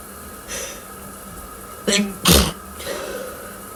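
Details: A quick breath in, then a short half-held sneeze followed at once by a louder, fuller sneeze in a quiet room: sneezing.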